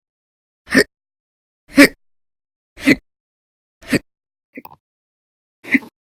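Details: Five loud, abrupt hiccups about once a second, with one fainter hiccup between, in a quiet room; from violent, very loud hiccup episodes lasting hours in November 2019.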